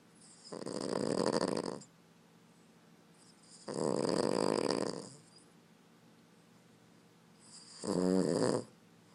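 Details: Snoring from a Boston Terrier, loud enough to wake the owner: three loud, rattling snores a few seconds apart, typical of a flat-faced small dog's narrowed airway.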